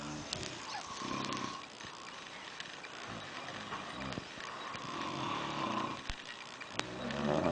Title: two guys snore until cell phone rings